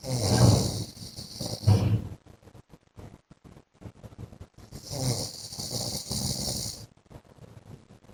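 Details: A wife records her husband snoring in his sleep: two long, loud, harsh, rattling snores with crackly room noise between them.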